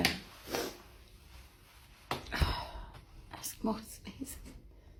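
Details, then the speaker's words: Sneezing fit of unknown trigger (sometimes perfume, cleaning products, powder): several sharp explosive sneezes with breathy intakes between them in a small quiet room, going on and on. "I go again, another sneezing fit. Oh gosh, it's that's it. That's all of it. Oh dear. Oh dear, it just goes on and on."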